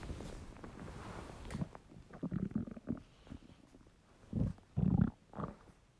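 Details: Male, hungry: low gurgling, rumbling gut noises with irregular bubbling bursts; borborygmi, normal hunger-related stomach rumbling.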